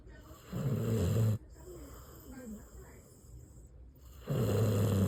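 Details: Two loud, low, rattling breaths about three seconds apart with quiet breathing between; loud snoring.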